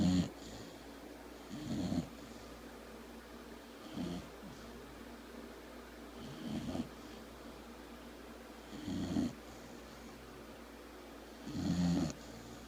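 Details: Sleeping dog snoring: soft, regular snuffling snores about every 2.5 seconds, roughly 24 a minute; snoring.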